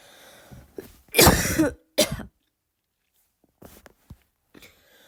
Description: this is one of my first barking coughs, i tried my best but for some reason my lungs just can't seem to to be able to make that bark